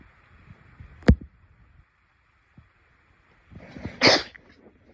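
A sharp inward breath builds into one loud explosive burst of air near the end, a single sneeze, with a brief click earlier.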